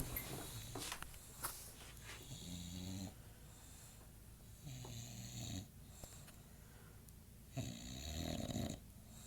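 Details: English Bulldog asleep at 2:50 a.m., loud rattling snores on each breath a few seconds apart; snoring.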